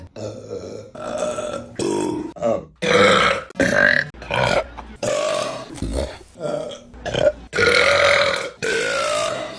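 A string of loud, long, voiced belches with short gaps between them: repeated burping.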